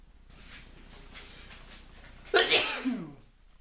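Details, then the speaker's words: Quiet breathing, then one forceful sneeze with a trailing voiced tail, from a man with hay fever after being outside in pollen. "So I've just been outside and my hay fever is, sorry, I can't speak. This is what it's like. This is what it's like when I first wake up in the morning and the pollen gets me."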